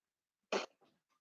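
One sharp, forceful cough followed by a softer throat-clearing rasp, in a quiet indoor room.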